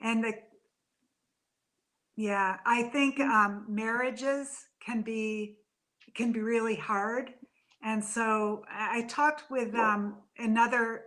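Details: Adult woman with aphasia after a stroke from a brain AVM about three to four years earlier, still in speech therapy: aphasia.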